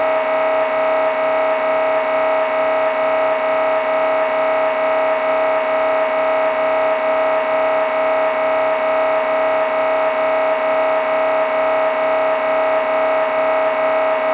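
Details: Sample MRI scanner sounds to prepare patients: loud, steady, rhythmic mechanical buzzing and knocking at about 130 pulses a minute, typical of an MRI sequence; MRI scanner noise.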